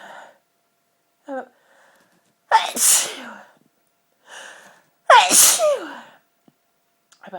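Two forceful sneezes, each with a quick catch of breath before the explosive burst; repeated sneezing from a dust allergy.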